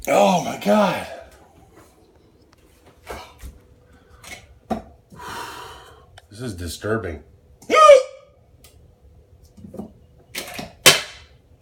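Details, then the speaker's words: Person with out-of-control hiccups, unrelieved by breath-holding, who feels they may throw up: repeated sudden, sharp hiccups, some voiced and squeaky, interrupting brief speech and breaths; hiccups. "I'm going to throw up if I keep hiccuping like this what is the deal with this"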